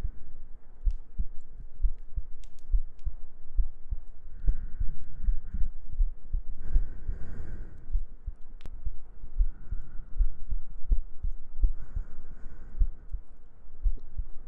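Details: ASMR sleep-aid recording of soft, steady low heartbeat thumps with some rustling, gentle breathing and faint humming in the background; heartbeat.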